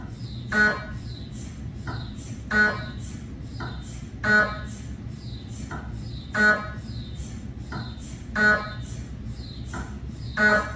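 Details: Repeating electronic chirps and knocking tones, one strong burst every two seconds: gradient noise of a cardiac MRI scan on a GE 3T scanner, 8-channel cardiac coil with test phantoms, recorded in the MRI room.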